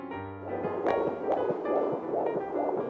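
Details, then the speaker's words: Rapid, regular whooshing fetal heartbeat on early-pregnancy ultrasound Doppler, with music underneath, in a pregnancy showing two gestational sacs but only one baby, within an animated memoir: fetal heartbeat on Doppler ultrasound. "do you want to hear your baby's heartbeat"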